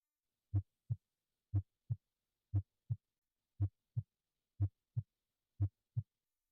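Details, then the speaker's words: Normal heart sounds: regular S1 and S2 at about 60 a minute, the pair close together because systole is shorter than diastole, then a longer diastolic pause. "Try and appreciate that S1 and S2 are fairly close together followed by a longer pause before the next S1 and S2. And that's because at normal heart rate systole is usually shorter than diastole, so the longer pause between sounds represents diastole."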